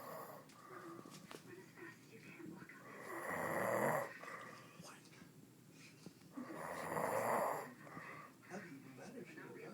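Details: Sleeping person, described as "sleeping after a baby": two long, rough snoring breaths about three and a half seconds apart over background talk and room noise; snoring.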